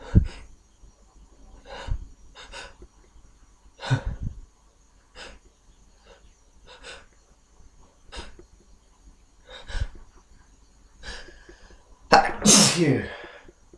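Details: Person with a head cold inducing sneezes: repeated sharp sniffs and noisy nasal breaths build up, ending in one loud explosive sneeze.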